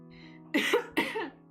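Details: Two short, rough coughs or throat clears from an adult woman who says she is very wheezy, heard over steady background music.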